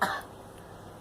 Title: Girl coughing